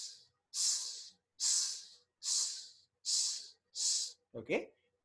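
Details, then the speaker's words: Vocal imitation of the pan-systolic murmur of mitral regurgitation, heard at the apex radiating to the axilla: repeated long, even hissing sounds filling systole. "So, pan-systolic murmur apex radiating to the axilla."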